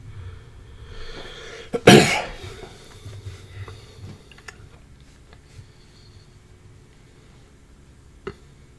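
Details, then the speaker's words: One loud explosive adult cough burst with a few softer throat sounds after, in a quiet room during a livestream; speaker excuses it as a coughing-fits day. "Oh, pardon me. It is coughing fits day, so don't worry."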